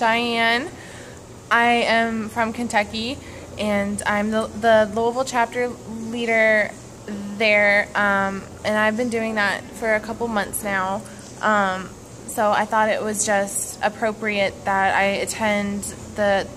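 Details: Adult woman who says she stutters; stuttering.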